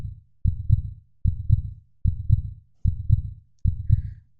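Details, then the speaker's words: Educational animation of normal heart sounds: regular lub-dub at about 75 beats a minute; lub from atrioventricular valve closure with ventricular contraction, clear first and second sounds. "sound of the heartbeat comes from the opening and closing of the heart valves the heartbeat begins with the lub sound made by the closing of the atrioventricular valves that are shown here in the animation"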